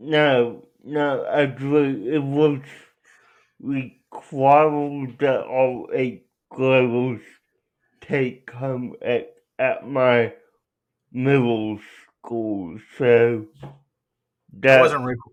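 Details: Adult male with cerebral palsy; dysarthria (cerebral palsy).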